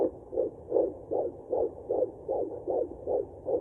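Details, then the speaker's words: Fetal heartbeat on Doppler at 14 weeks of pregnancy: rapid, regular whooshing pulses at about 155 beats per minute. "i get to hear the baby's heartbeat on the doppler i'll show you guys a clip of that"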